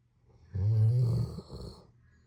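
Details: Snoring during sleep: one deep, low, rumbling snore with a brief snorting tail, then quiet.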